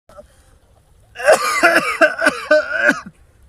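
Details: A run of about six harsh, voiced coughs in quick succession, acted for a comedy sketch; a simulated cough.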